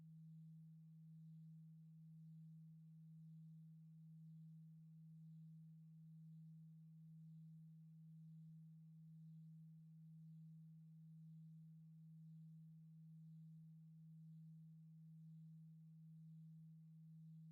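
Faint, steady low pure tone that gently swells about once a second, a simulated hearing test tone.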